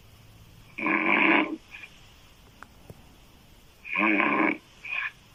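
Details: Woman's loud open-mouth snoring: two loud, rattling snores, each followed by a brief softer sound, about twenty breaths a minute.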